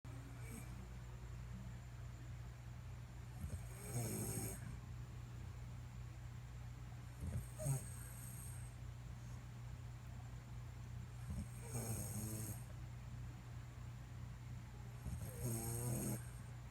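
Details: A man snoring in sleep: soft rattling snores about every four seconds, partly buried under a loud, steady hum.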